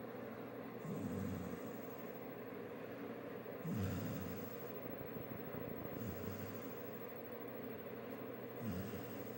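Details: Buddy snoring: soft snorting snores roughly every two to three seconds, about 23 a minute, over steady background hiss.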